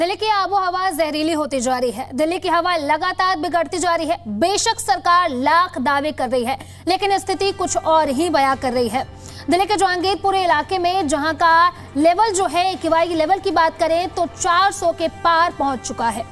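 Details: Adult woman, news narration; Normal speech.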